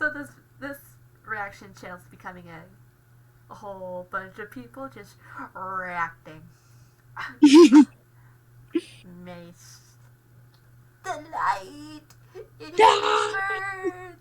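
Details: Stutter acquired after a car accident with a two-day hospital stay, alongside aphasia from a post-traumatic concussion, treated with speech therapy; stuttering.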